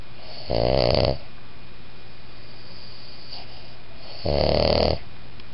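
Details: Boston Terrier–Pug cross dog snoring: two loud, throaty snores about four seconds apart, roughly 16 breaths a minute.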